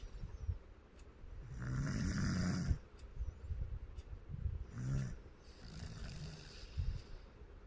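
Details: Dog snoring: low, rumbling, irregular snores with snorting breaths in between.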